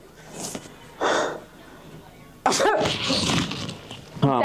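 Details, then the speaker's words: Staged sneeze prank at a dental studio: a single loud burst sneeze, then an adult apologizing and asking if they got someone, then a second sneeze at the end; sneezing. "I'm sorry I got to sneeze for a second bless you I'm sorry did I get you"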